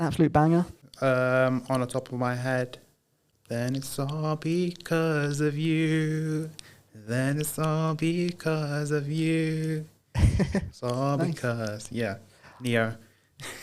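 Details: Broca's (non-fluent) aphasia in a man after a haemorrhagic stroke in 2010 while playing high school rugby, recorded about 15 years later; he says he knows what he wants to say but struggles to get it out.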